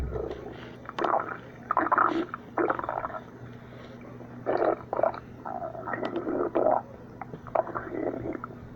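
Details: A person's stomach growling again: irregular gurgling, squelchy rumbles in bursts over quiet room hum, ordinary gut movement of gas and fluid (borborygmi).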